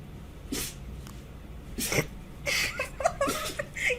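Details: Cats and dogs sneezing in a compilation: several quick, sharp bursty sneezes from small pets, with faint room noise between them.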